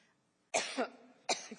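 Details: Adult woman (politician) in a coughing fit: two sharp, forceful cough bursts in quick succession.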